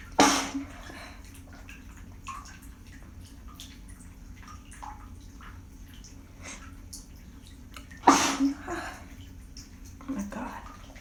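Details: Sneezes after holding back, in a person stuffed up using shower steam: two loud, explosive sneezes about eight seconds apart, with sniffing and running water between, in a small echoing room.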